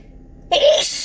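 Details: Morning sneezing fit, suspected fall allergies: a quiet room, then one sudden sharp sneeze with a breathy burst and hissing release.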